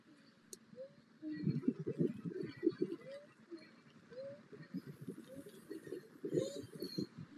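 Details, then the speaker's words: Female runner standing still, symptomatic with difficulty getting her breath in: rapid, effortful breathing with squeaky rising wheezes on inspiration, chest and stomach moving together, neck forward; inspiratory wheeze from dysfunctional breathing. "okay so you can hear that she's got a wheeze when she breathes in"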